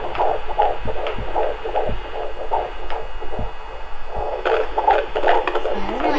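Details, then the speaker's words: Fetal heartbeat at 15 weeks of pregnancy on handheld Doppler at a booking appointment: strong, fast rhythmic whooshing pulses, about 150 a minute, found after a little while. "it took a little while but when she found the heartbeat it was strong"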